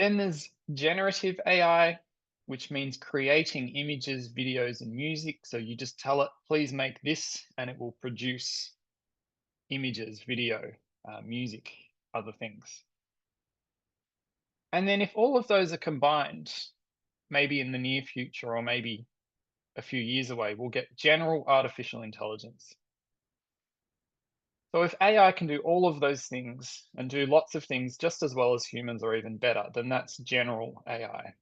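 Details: Adult speaker; Normal fluent speech.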